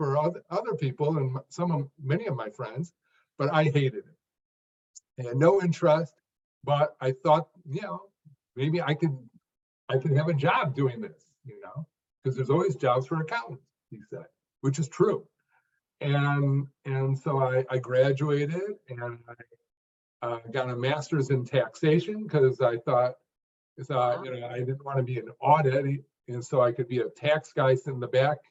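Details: Stuttering in an adult man who was once a severe stutterer, unable even to read aloud alone; he improved greatly through work and practice but still stuttered in later jobs.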